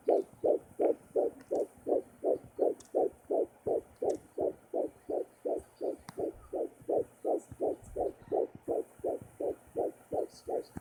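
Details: Fetal heartbeat heard with a Sonoline home fetal Doppler during pregnancy, before much movement was felt: fast, steady whooshing pulses, about 167 beats a minute.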